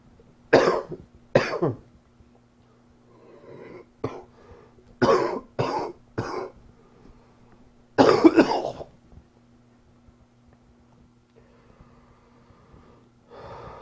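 About six loud, harsh cough bursts in irregular clusters, with a steady low room hum behind them. Repeated coughing.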